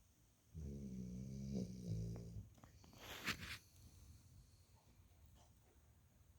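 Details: Snoring during sleep: a single low, rattling buzz on the in-breath, followed by a soft, breathy out-breath.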